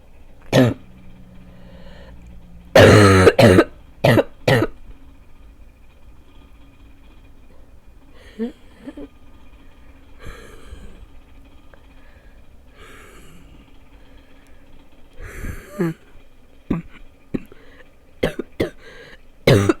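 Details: An adult sick for about two weeks is left with a severe barking cough: several harsh, loud coughs with quieter throat clearing between them.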